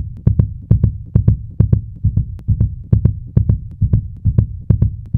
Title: Various Fast Heartbeat Sound Effects